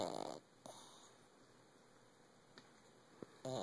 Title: Snoring pug. Sleep thigh Hugy.